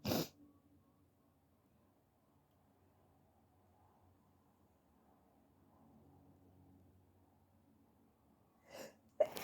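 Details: Sneezing set off by a COVID test nasal swab, with harsh sneezes that hurt the throat: one sneeze, a long quiet stretch, then two more sneezes.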